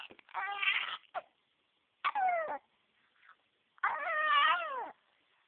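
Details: Infant nephew cries in three wailing bursts, with brief sharp catches between them consistent with hiccups; he is upset by the hiccups. Hiccups with crying.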